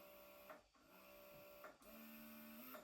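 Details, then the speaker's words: Bellababy electric breast pump demonstrated running in first mode (massage mode), level 1: rhythmic mechanical whirring in repeating suction cycles in a quiet room; electric breast pump running. "ഇത് ആദ്യത്തെ മോഡിലാണ് ഇപ്പം പ്രവർത്തിച്ചുകൊണ്ടിരിക്കുന്നത്. അതിൽ level 1."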